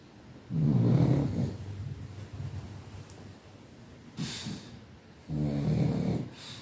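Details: Pug dog sleeping and snoring: loud, low rattling snores with a brief snort between them.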